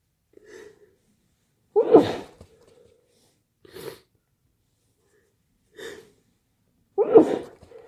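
Two forceful sneezes, each preceded by a short in-breath, with quieter sniffs and catches between them; repeated sneezing.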